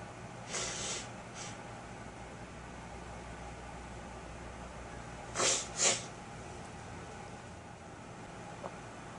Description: This is all I was able to get from about 12 minutes of trying to induce. One false start, a double, and a blow.